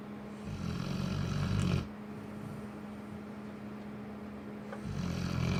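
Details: Cane corso dog snoring during sleep: loud, rough, rattling breaths in and out with a steady hum behind; dog snoring.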